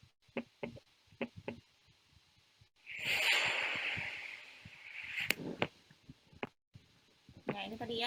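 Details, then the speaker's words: Pericardial friction rub heard by stethoscope auscultation, played as a teaching example: short crisp heart sounds with a harsh scratching, rubbing noise over the beats. "ada friction rap. Friction Rap itu ketika pas kita dengarkan ada seperti suara gesekan"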